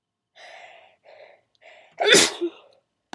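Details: On request, sneezes stifled at first, then done full out: three quick inward catches of breath, then one sharp explosive sneeze with a brief trailing sound.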